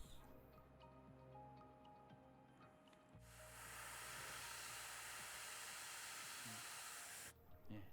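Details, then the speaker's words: Dental dome drill grinding the lateral sinus wall on a practice model: a 7 mm dome drill with a 1.5 mm stopper opens a lateral window for a lateral-approach sinus lift; the wall is about 1 mm thick, with slight perforation. Steady high-pitched whirring hiss. "so seven millimeter diameter uh Dome drill with 1.5 stopper"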